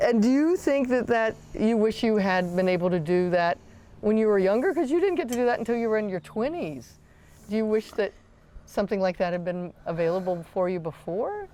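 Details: Adult woman; typical speech.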